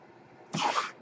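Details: Home mechanical ventilator that a podcaster says is his own, audible during his recording: in a quiet room, a single short rushing puff of air under half a second, one ventilator breath cycle.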